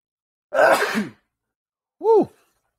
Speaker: excuse me now you know what my sneeze sounds like